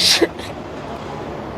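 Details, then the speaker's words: Staged prank sneeze on a police officer in the street, actually water: a single sharp sneeze burst at the start, then traffic and street noise. "My bad. I just like to sneeze. Yeah. My bad."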